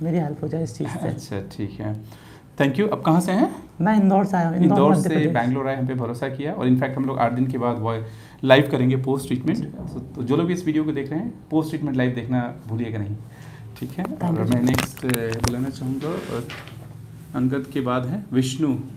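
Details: Adult man speaking; typical adult male voice.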